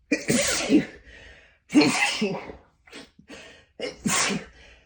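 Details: Three forceful sneezes after holding back sneezes, each a sharp in-breath then an explosive burst, with short stifled sounds between.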